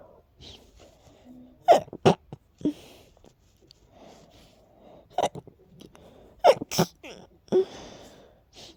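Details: Several breathy, stifled sneezes with soft catching breaths before each, from a person whose allergies are acting up with a strong tickle; held-back sneezing.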